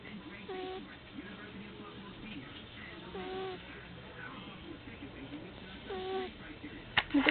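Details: Asthmatic cat that wheezes often: short, high whistling squeaks about every three seconds from narrowed airways while breathing, occasionally a bigger one; wheezing.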